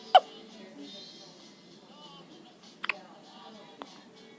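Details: Hiccups, recorded on day 15: three short, sharp catches of breath over about four seconds, with faint background music.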